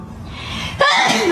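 A quiet lead-in, then one sudden, loud voiced sneeze with a sharp explosive burst.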